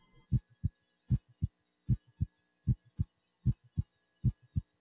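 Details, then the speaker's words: Stethoscope auscultation at the mitral area during an anterior chest exam: regular lub-dub at about 77 a minute, crisp first and second sounds, no murmur; normal heart sounds. "warm the stethoscope listen first in the aortic area the pulmonic area the third intercostal space left of the sternal border known as herbs point"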